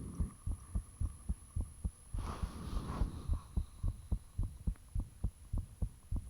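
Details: Self-recorded heart sounds with the fan off, taken shortly after the heart began feeling thumpy: regular low thumping at about 107 bpm, fairly fast but steady, with a brief rushing noise midway and valve sounds at times.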